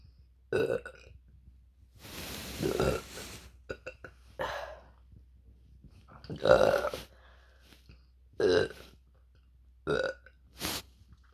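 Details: Deliberate burps: about seven loud, voiced burps of varying length, including one long, drawn-out belch; burping.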